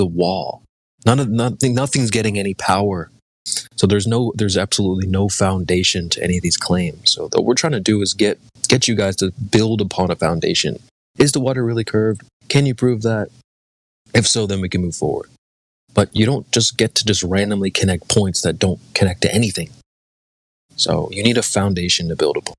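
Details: Adult male speaker; ordinary speech.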